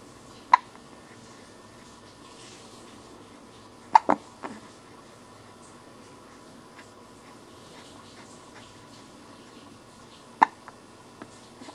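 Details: Hiccups: sudden short clicking gulps at irregular intervals, about four in twelve seconds, over faint room noise.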